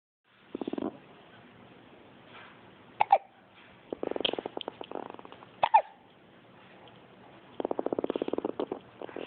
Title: Baby sucks angrily at pacifier, farts, hiccups.